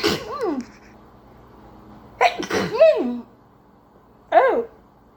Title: Sneezing girls Covid-19 nasal swab test sneezing 재채기 -くしゃみ compilation of Covid testing - TikTok